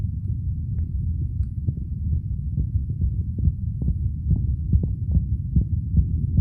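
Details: Muffled low heart thumps under a steady hum, paired beats about 70 a minute, from a male self-recording with a phone at the chest auscultation spots; normal heart sounds.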